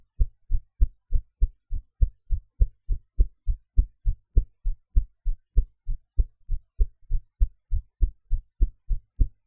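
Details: Own heartbeat recorded after eating, in a different posture from usual, with some noise edited out: steady, low lub-dub at about 100 beats a minute with clean, regular thumps, normal heart sounds.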